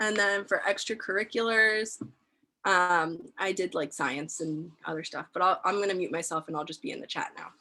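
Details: Adult woman speaking, online call; normal speech.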